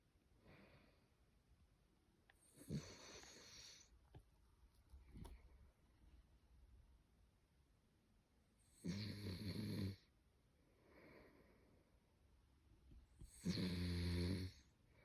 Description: Get ready to laugh and smile as you watch this hilarious video of a snoring hound! This adorable pooch snores like a human, making for a truly comical sight.